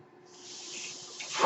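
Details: Soft, steady airy hiss building louder toward the end: airflow noise from the speaker's own mechanical ventilator, heard as they talk.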